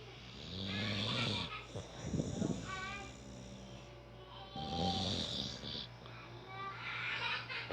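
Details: Female dog sleeping, which the owner says snores more than he does: loud rasping snores with whistling and snorting, roughly every four seconds.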